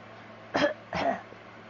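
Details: A young girl's deliberate fake cough: two short, playful cough bursts imitating a cough rather than an illness cough, heard on a morning when she was also sneezing for real.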